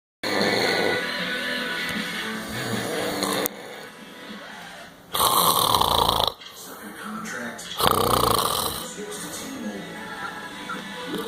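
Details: Man who falls asleep as soon as he lies on the couch: loud repeated rasping breaths in sleep over background music and talk; snoring.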